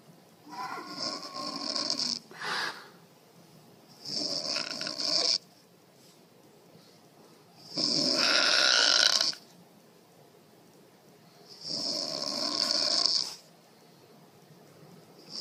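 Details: Mother snoring beside a baby, who is startled by it: four loud, rough, rattling snores about four seconds apart with quiet pauses; ordinary snoring.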